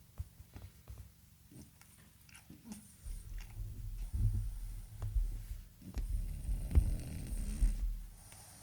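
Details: Snoring from a pet named Mörkö, aged 9.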